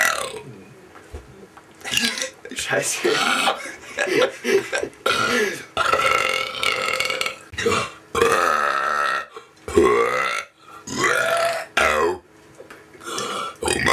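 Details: Two friends burping on purpose for fun: loud, long, drawn-out voiced belches one after another with short gaps; repeated burping.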